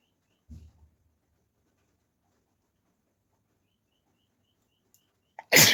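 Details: Sneezing challenge without a handkerchief: a soft intake of breath and a long quiet pause, then a sudden sharp sneeze at the end.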